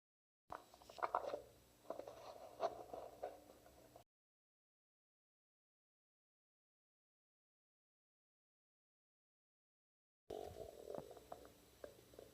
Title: Apple and onion~ onion- stomach growling